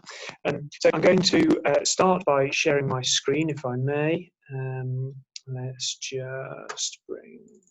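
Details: Adult male lecturer; normal voice.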